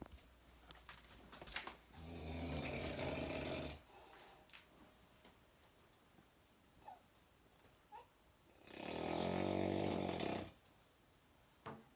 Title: My nephew snoring like motorcycles